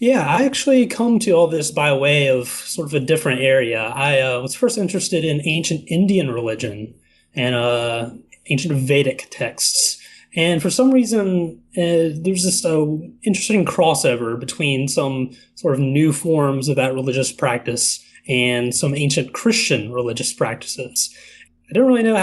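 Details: Adult male speaker; normal voice.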